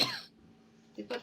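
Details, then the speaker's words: Adult woman with chronic bronchitis since childhood and long-term wheezing ("like an accordion"), worse since December; one short harsh cough, then quieter throat-clearing. She links it to childhood exposure to adults smoking. Cough. "она у меня как бы хрипит как гармошке до постоянно этот кашель и как бы я уже чувствую не очень комфортно"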